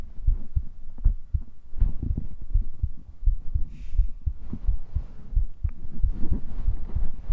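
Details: ASMR cuddling roleplay set outdoors on grass, heartbeat captured with a 3dio binaural mic, vocals on a separate mic: soft, low, steady thumps partly blurred by rustling and faint background music, a normal heartbeat.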